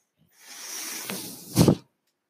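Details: Mechanical ventilator breathing from the speaker's own ventilator, heard during speech: a steady rushing hiss of air lasting about a second, ending in a louder low puff and release, one breath cycle.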